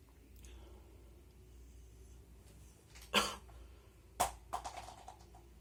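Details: Two sharp, explosive wet sprayed sneezes over room noise, then a few smaller sounds, in a recording with nose blows and some coughing; sneeze.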